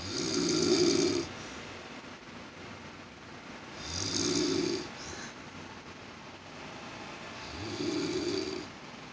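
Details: An elderly grandmother snoring, recorded with poor sound quality: three rough, rattling snores in about nine seconds, over a steady background hiss suspected to be an air conditioner.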